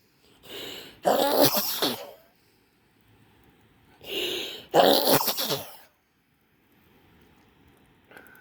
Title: sneezing fit in front of pit